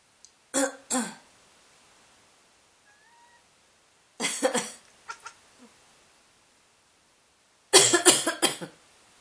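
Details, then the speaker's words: Three bouts of sharp, dry-sounding adult coughs with a faint brief cat chirp between them as the pet cat reacts; cough. "so angry? Hmm? Does my cough annoy you?"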